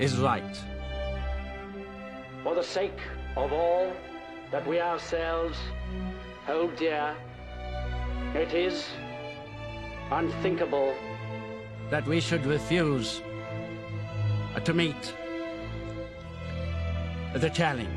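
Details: Acted stammer: actor portraying King George VI delivering a wartime radio speech in a film; stuttering (acted).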